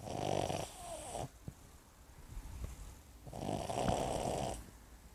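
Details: Brussels griffon, a small dog, giving two long, rattling, noisy breaths a few seconds apart with quiet pauses between; snoring.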